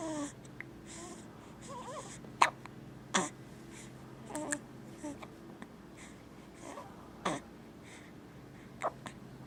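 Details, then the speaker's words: Baby with hiccups, also pooping a little: sharp, brief hiccup clicks at irregular intervals, about five in ten seconds, with soft baby sounds and low background hum. "Feel better? No? Still got the hiccups."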